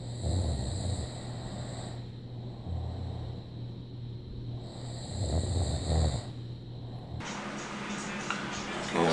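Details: A man is caught snoring in a pregnancy vlog around a 34-week check-up; he denies that he snores.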